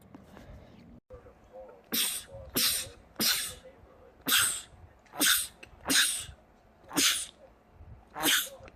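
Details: Male sneezing compilation clip: about eight sharp sneezes in quick succession, rapid repeated sneezing.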